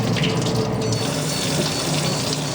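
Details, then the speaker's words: Steady rushing, gurgling water sound as warm water is flushed through both tubes into the stomach of a tremoring, distressed dog with suspected poisoning, to wash out the toxin. "So just putting both tubes in. We're trying to fill up the stomach with warm water and then basically empty it out. So trying to physically remove all of the toxin from her stomach."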